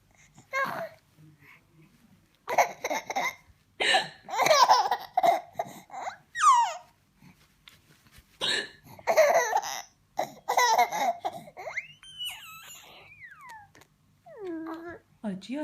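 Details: Short, abrupt hiccup sounds from a mother, each followed by her baby's delighted laughter and squeals; hiccups.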